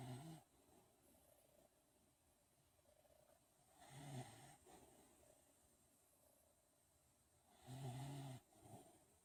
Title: Giddy snoring